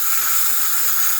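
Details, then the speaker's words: Dental air syringe drying the etched tooth's sealing surface after rinsing, during sealant placement: loud steady hiss of compressed air; dental air syringe. "Now it's real important when you take or rinse that material off that you want to keep that tooth dry. We spray lots of air on the sealing surface."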